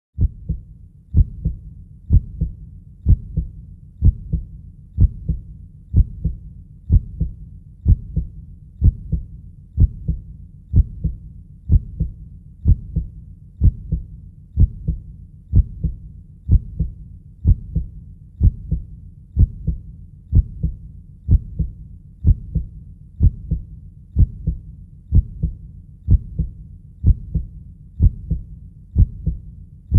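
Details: Normal heartbeat: steady, regular soft low thumps in clear pairs at about 62 beats per minute.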